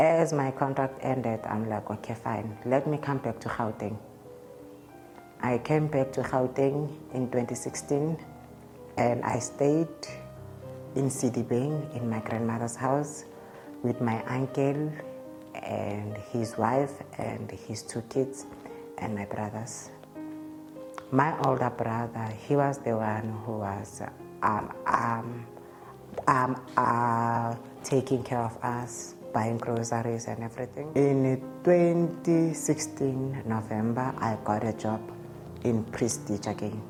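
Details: Adult man's real interview speech; he states he stutters, present since at least grade five (2005), when it caused low self-esteem; stuttering.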